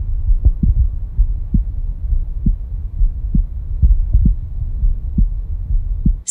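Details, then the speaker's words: Heart sounds recorded through two digital stethoscopes for comparison, sound A via Littmann Core Digital and sound B via Stemoscope Pro: regular, steady, low amplified heartbeat thumps at about 67 beats per minute. "for those of you out there that guess correctly sound a is the Litman core digital and sound B is the stemoscope pro"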